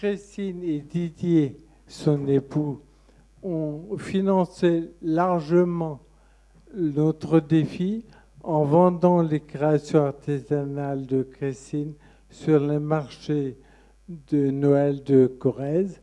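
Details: Man with Friedreich ataxia who sees a speech therapist, speaking at a patient association meeting; ataxic dysarthria (Friedreich ataxia).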